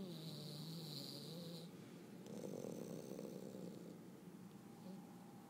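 Soft, low snuffling snore against steady room noise and a faint high hum; breathing sounds are muted.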